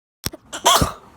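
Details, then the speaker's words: A single sneeze from a person speaking quietly indoors. "I'm sorry. There was a sneeze."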